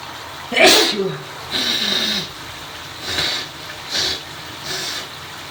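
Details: Sneezes from a cold while in the shower, followed by a final nose blow.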